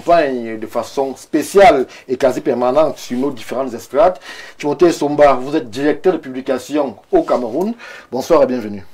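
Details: Adult male speaker, French; Normal fluent speech.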